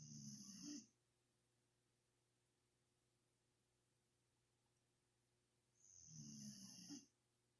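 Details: A sleeping dog gives two rough, rattling snoring breaths about five seconds apart, about 12 breaths a minute; snoring.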